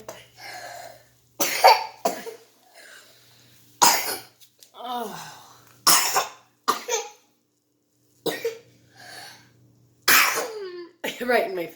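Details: Several short, wet coughs with vocal sounds between them from a sick baby boy with a little cough; the cough restarted despite honey and garlic.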